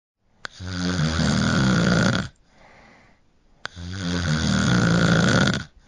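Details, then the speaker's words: Heavy snoring, noted as possibly a sign of sleep apnea: two long, loud, rattling inspiratory snores, each nearly two seconds, with a soft breath out between. "we call that snore Ebenezer Scrooge while snoring can be a funny topic it can also be a sign of sleep apnea a serious medical condition"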